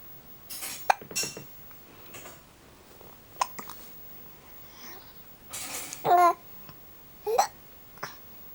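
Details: Hiccups in a 6-month-old baby boy: several brief, sharp catches of breath with small infant voice sounds between them in a quiet room.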